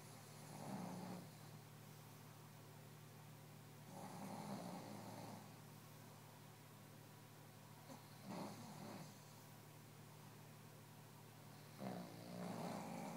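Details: Pug snoring: snorting, wheezy snores about every four seconds, near 15 breaths a minute, over a steady low hum.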